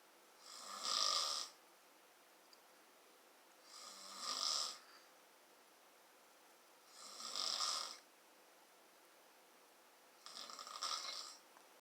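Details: Snoring in a sleeping wife: four loud, rough, hissing snores on breathing in, about 19 a minute, with quiet pauses between them.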